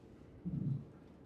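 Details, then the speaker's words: Aortic stenosis: a low, rumbling systolic murmur fills the gap between S1 and S2. "in between S1 S2 systolic murmur"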